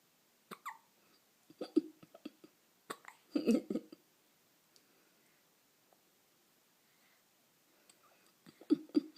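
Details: Infant hiccups: soft, short, abrupt catching sounds, a few grouped together with silent gaps between them.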